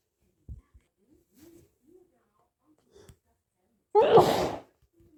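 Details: A few catching breaths in, then a single forceful, itchy sneeze.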